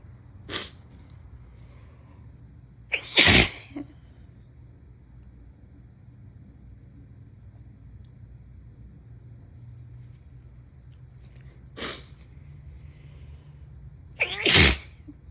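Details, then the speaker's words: Adult with a new cold and sneezing fit after a temperature drop, doubting allergies: four sharp explosive sneezes, two forceful and close together, over a quiet room hum; sneezing. "Oh no, I'm gonna sneeze. Fuck."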